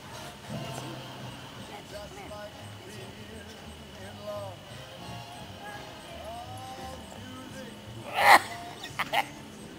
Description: An unusual and hilarious sneeze caught on video, it could wake the dead.